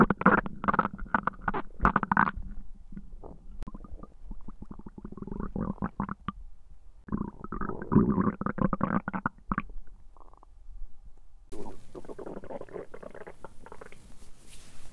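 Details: Loud gurgling and bubbling stomach rumbles in irregular bursts, recorded when trying to capture hunger sounds but described as good digestion sounds; borborygmi.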